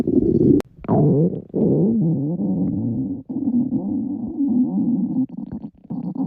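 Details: Loud hunger growling from girls' stomachs; borborygmi.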